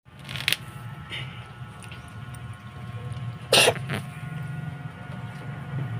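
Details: Cat coughing: a few short, harsh coughing bursts over a steady low hum of room noise.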